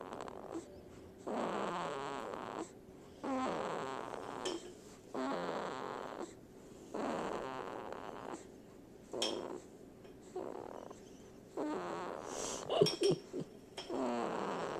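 Repeated fluttering, buzzy breath sounds in a steady rhythm, roughly every two seconds, with some clatter in the room. Snoring.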